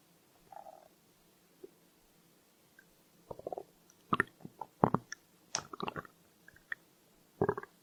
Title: Stomach growl